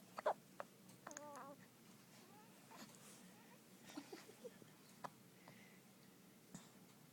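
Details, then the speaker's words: Two-day-old baby with hiccups: soft, sharp little catches at irregular gaps in a quiet room, brief whimper near the start; newborn hiccups. "has the hiccups."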